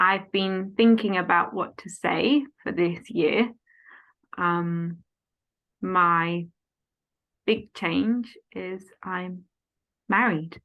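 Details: Adult woman, 14 years after a stroke at age 18, with post-stroke aphasia affecting speech, reading big emails, writing and numbers; speaking conversationally; aphasia.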